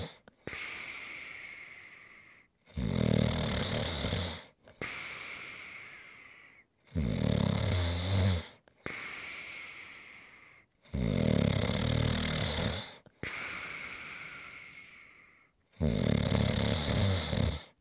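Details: Snoring recorded as ASMR relaxation audio: loud rattling snores on each in-breath alternating with softer out-breaths, about 8 breath cycles a minute; steady snoring during sleep.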